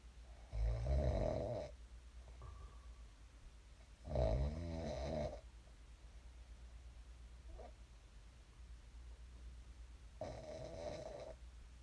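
Loud rattling snores on the in-breath, about three in twelve seconds, with quiet room noise between them.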